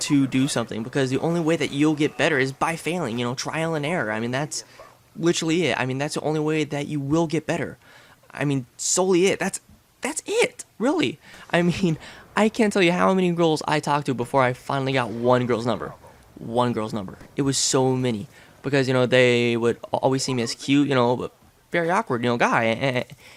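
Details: Adult male with lifelong stuttering since about age six, now relatively mild after speech therapy, with a family history of stuttering; word and phrase repetitions; finding: stuttering.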